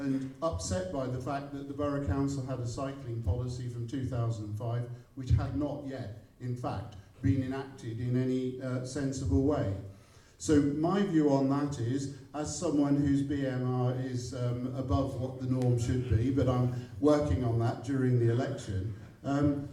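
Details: Adult man; no speech disorder.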